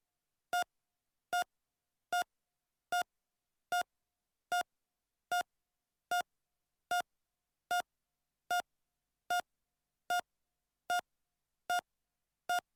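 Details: Steady, evenly spaced heart monitor beeps at about 75 per minute, a normal heart rate; a royalty-free sound effect, not a real patient.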